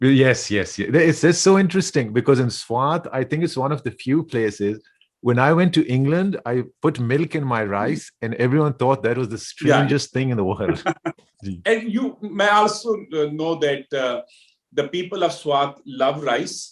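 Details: Adult man speaking; Normal speech.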